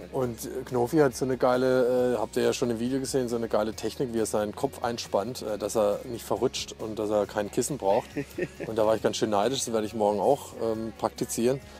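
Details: Adult male speaker; ordinary speech.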